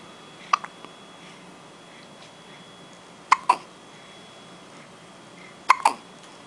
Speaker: What you filming me for? I had the hiccups. So what?